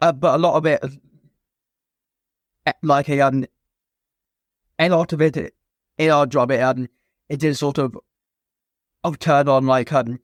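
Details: Stuttering (stammer) present since a young age in an adult man, a former soldier, in spontaneous conversational speech.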